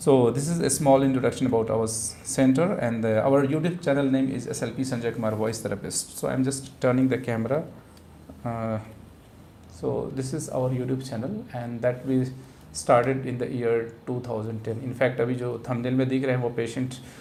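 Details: Adult male speaker; normal speech.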